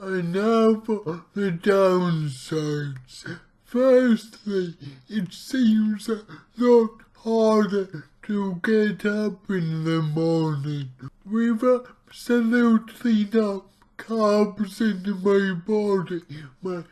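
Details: Dysarthria from cerebral palsy in an adult male speaking about his own condition, heavily distorted speech, about two weeks into trying a keto diet to see its effect on his cerebral palsy.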